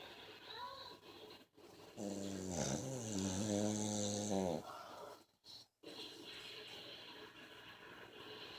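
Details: One long, loud, buzzing snore with a humming tone over two seconds, then quieter breathing, from an adult man asleep; snoring.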